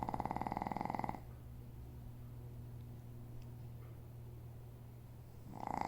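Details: Soft fluttering rumbles at the start and end of a quiet pause over a low steady hum; gentle snoring.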